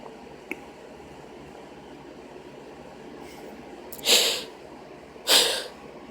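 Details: Two sharp, hissing sneeze bursts about a second apart from a woman, after quiet room noise; induced sneezing.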